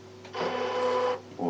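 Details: Real optometrist eye examination during a refraction test, with the patient comparing first versus second lens: a brief mechanical whirring click as the phoropter switches lenses, a normal device sound.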